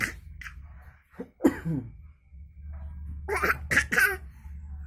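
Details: Several short coughs from a young child, some in a quick run of three near the end, with household background noise.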